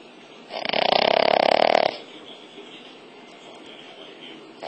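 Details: Female Cavalier King Charles Spaniel ("Cavvy") that snores heavily, with one loud, rattling, fluttering snore lasting over a second, then quiet breathing. Snoring.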